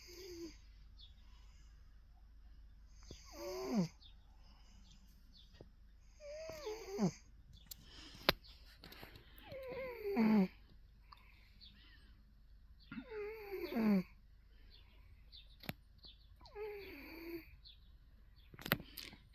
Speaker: Excuse me. You're snoring. Excuse me. Excuse me.